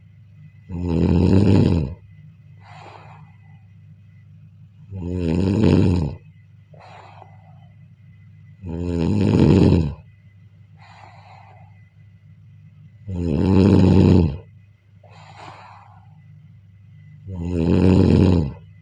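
Loud, rough inhaled snores come about every four seconds, roughly 14 a minute, with soft exhalations between. A steady hum sits in the background.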